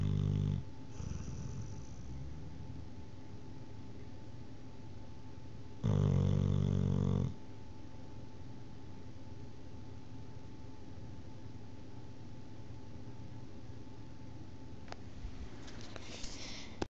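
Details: Sleeping dog snoring: a low rumbling snore with a louder snoring breath midway, over steady room hum.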